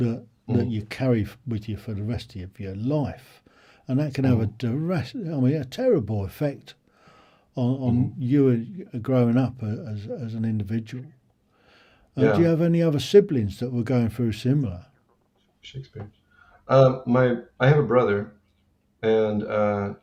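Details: Two adult men in an interview; conversational speech.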